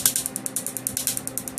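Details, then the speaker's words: Laser tattoo removal on a male patient's left arm sleeve, no numbing anesthetic, laser set to 10 pulses per second with overlapping spots: rapid, regular sharp snapping clicks from laser pulses. "10 pulses per second there we go so you see how quickly he goes ten ulcers per second it's a very efficient process"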